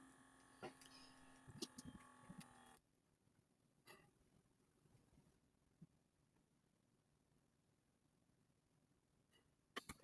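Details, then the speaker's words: An automatic blood pressure cuff running during a student demonstration, with a reading of 116/68: a steady motor hum for about three seconds, then a quiet room with a few soft clicks. "And basically you just press start on this thing, and it will automatically take it."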